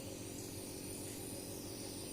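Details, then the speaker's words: Steady droning motor hum with constant hiss from a nebulizer compressor treating an infant with nearly a week of fever, cough and cold to loosen phlegm; the baby's throat sounded noisy before treatment. "di sini awal-awalnya Kenzie sedikit risih dengan bunyi yang dikeluarkan oleh mesin eh penguat ini tetapi lama-kelamaan dia sudah mulai terbiasa dan malah keenakan"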